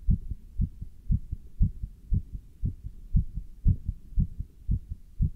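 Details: Strong, regular two-part heartbeats at about 118 a minute, heard through a stethoscope with a chest band while standing still and lifting dumbbells; normal heart sounds.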